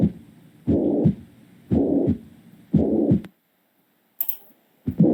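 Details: Holosystolic murmur (mitral regurgitation).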